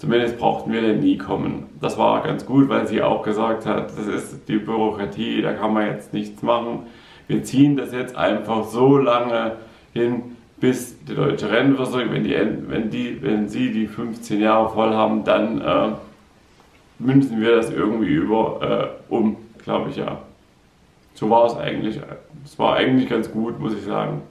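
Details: Man with aphasia following a stroke, in part 12 of his own vlog series; aphasia after stroke.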